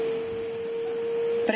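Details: Steady high pure tone from a public 24-hour automated external defibrillator (AED) prompting the shock button press, during a simulated street rescue of a collapsed man; AED shock prompt tone.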